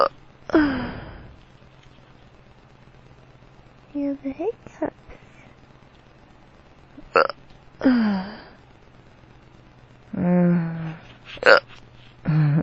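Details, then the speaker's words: Drunk man with powerful hiccups that hurt his tummy: repeated sharp voiced hiccups every few seconds, low throaty groans between them, steady room hum; he says his hiccups sound weird. "I'm drunk. Oh. My hiccups sound weird."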